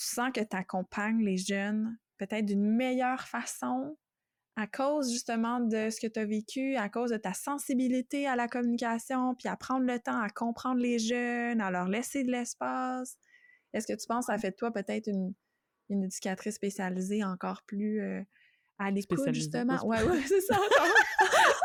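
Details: Adult woman speaking French; typical speech.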